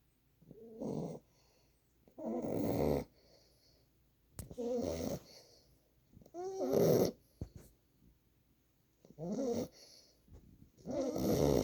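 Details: 9-week-old boxer puppy sleeping on owner's lap: rhythmic snorting snores with fluttering breaths, about 14 breaths a minute; snoring.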